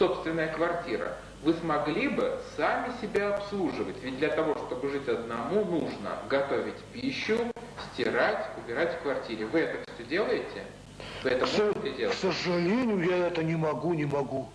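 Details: Adult male speakers in an interview; conversational speech.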